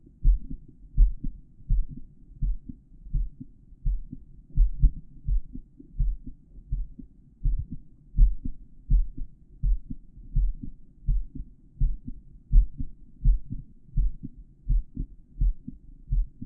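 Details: Real-time recording of a male heartbeat through a stethoscope with a microphone inside the earpieces, during a tutorial on auscultating the heart valve areas; steady, low thumping heartbeat about 83 a minute: normal heart sounds.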